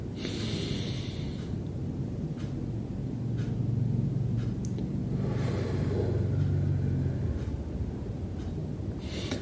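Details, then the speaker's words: Nursing student demonstrates deep breathing: inhale through the nose, hold as long as possible, then exhale through whistle-shaped pursed lips; airy inhalation, pause, long hissing exhalation over a low rumble. "Yang pertama, tarik napas melewati hidung. Yang kedua, tahan napas hingga sekuat-kuatnya. Lalu, hembuskan melewati mulut hingga membentuk mulut itu seperti membuat siulan."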